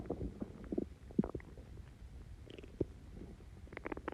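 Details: Extremely bubbly stomach growls after Coke and Mentos: irregular gurgles, pops and bubbling rumbles from the belly as gas and fluid move through the gut; borborygmi.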